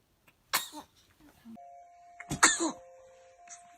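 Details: A sharp burst of air, then a second louder explosive sneeze with a voiced tail, over a faint steady electronic tone; sneezing.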